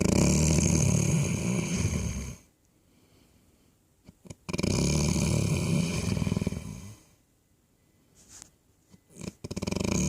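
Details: A man snoring off-camera: loud rattling snores in long breaths separated by quiet pauses, with a faint snort between them; snoring.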